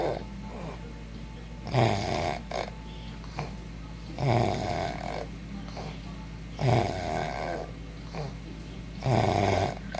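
Rhythmic rattling snores about every two and a half seconds, roughly 24 a minute, over a steady background hum; snoring.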